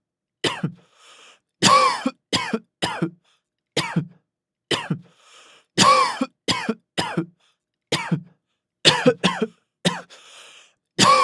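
Repeated harsh, forceful coughs in bursts, about fourteen in eleven seconds, with brief gasping breaths between: a severe cough.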